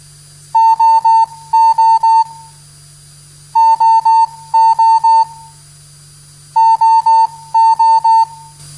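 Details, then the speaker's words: CardiAid CT0207RF fully automated external defibrillator in an instructional demonstration: loud repeating groups of quick electronic beeps as it announces "shock necessary, do not touch the patient, preparing shock, shock will be delivered," the shock charging and delivery tones. "shock necessary do not touch the patient from now on preparing shock do not touch the patient from now on shock will be delivered"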